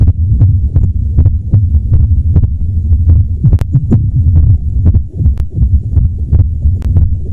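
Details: Soft, low heartbeat thumps over a steady rumble with occasional sharp clicks, uneven beat spacing suggesting an irregular rhythm, self-recorded by a woman in her 30s with MS receiving palliative care.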